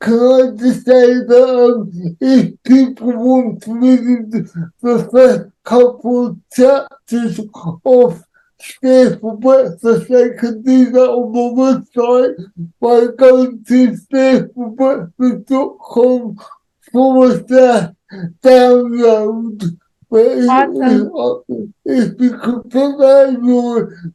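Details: Adult man with cerebral palsy who says he cannot say some words; speech largely unintelligible to automatic transcription; dysarthria (cerebral palsy).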